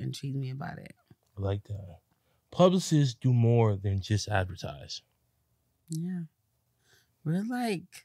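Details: Adult speaker in conversation; typical speech.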